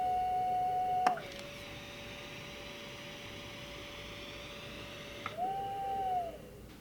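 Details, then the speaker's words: Panther 5N non-invasive ventilator calibration circuit check, final open-circuit test with the circuit opened to room air: steady ventilator tones and an airflow hiss; an adult flow sensor is detected afterwards. "For the final test, open the circuit to room air."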